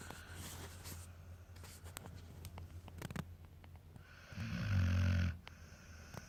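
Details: Low rumbling hum with one loud, harsh snore burst near the end, over quiet room noise; a sleeping American Akita snoring.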